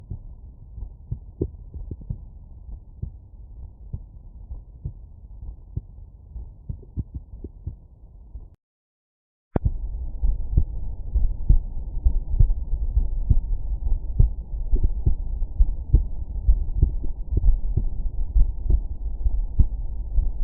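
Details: Normal heart sounds heard through a stethoscope at Erb's point: steady, low heartbeat thumps at about 68 beats per minute.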